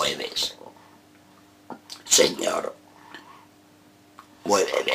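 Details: Esophageal speech in a man reciting a sonnet as a voice exercise.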